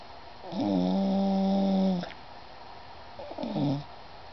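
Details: Snoring: two tonal, slightly whistling snores, one long and one short, in a quiet room; ordinary snoring.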